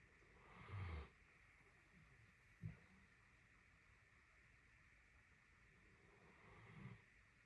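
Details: Great Dane snoring during a nap, about 30 minutes straight: low, rough snores with steady room hiss between breaths.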